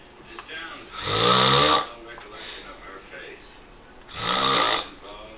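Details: Adult man snoring while asleep: two loud, rasping snores about three seconds apart, with quieter breathing between them; snoring.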